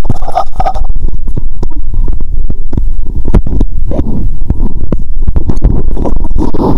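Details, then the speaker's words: Stethoscope on the upper abdomen after drinking cola with Mentos, belly painful: constant loud gurgling and rumbling with many bubbly pops, active bowel sounds (borborygmi). "Bạn có thể nghe thấy âm thanh khác từ bụng trên 👂 ♪."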